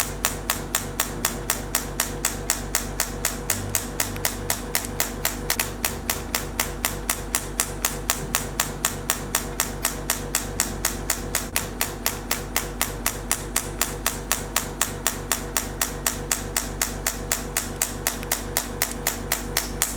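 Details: Radial shockwave therapy (ESWT) handpiece on a T8+ machine, fixed-point treatment of a marked pain point (about 500–600 shots) after gel applied: rapid, very regular sharp tapping at about four shocks per second, faint music behind.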